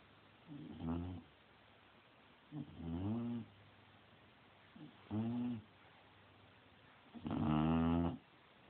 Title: Haha my bulldog snoring